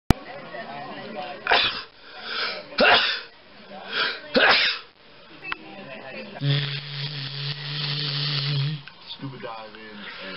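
A sharp burst of an adult sneeze, followed by breathy sounds and a short stretch of talk; an ordinary sneeze.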